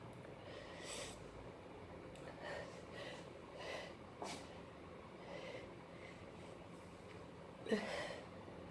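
Several short, breathy bursts with sharp onsets, the last one louder; a run of sneezes, some held back, over steady room noise.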